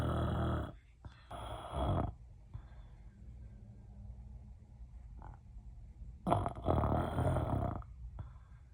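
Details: Real recording of loud, deep, guttural snorts on breathing in, with quiet pauses between them: heavy snoring.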